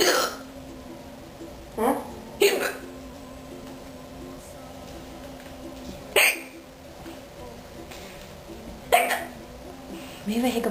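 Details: Hiccup attack: five or six sharp, abrupt gulping bursts at irregular intervals of a few seconds over steady room noise; repeated hiccups.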